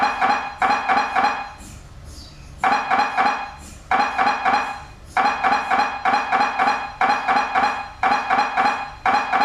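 Loud, rapid mechanical knocking in repeated bursts with brief pauses, typical of an MRI scanner running an imaging sequence.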